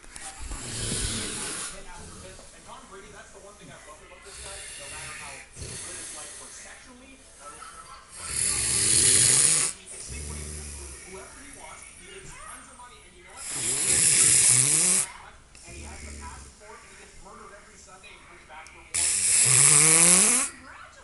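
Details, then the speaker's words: Person snoring nonstop for the past hour: loud, harsh snores about every five seconds with quieter breaths between and some room noise. Finding: heavy snoring. "Yo, the funny thing is, this guy's been doing this for the past hour straight of snoring."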